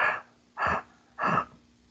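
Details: Examiner's vocal imitation of tubular bronchial breath sound, made with the lips shaped for the vowel A: three harsh, hollow blowing breaths, as heard over consolidated lung.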